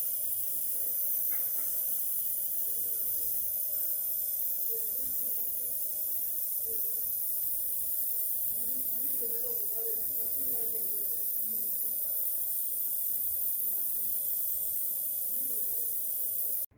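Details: Nebulizer running during an emergency visit for an asthma attack, one of two aerosol inhalations given alongside cortisone.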